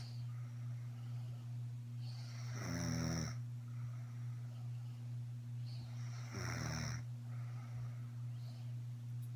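Two loud, rattling snores about four seconds apart, over a steady low hum in the room.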